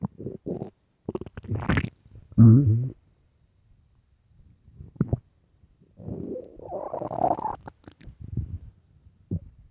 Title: early morning stomach growls (headphones) part 2